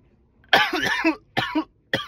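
Three loud, harsh coughs, the first drawn out, in a quiet room.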